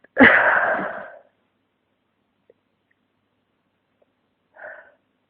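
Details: One loud explosive sneeze, then a softer sneeze-like burst a few seconds later, with quiet between; sneezing from flu with nasal congestion and a pounding head.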